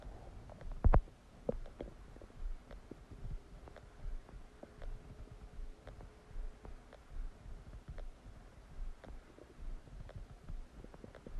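Low gurgling rumbles and small pops come repeatedly from the abdomen in a quiet room, typical of ordinary digestion sounds after a meal.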